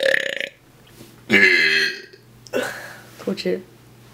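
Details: Burp compilation of a cousin's belches: several loud, voiced, rumbling belches in a row, possibly from different people, separated by short pauses.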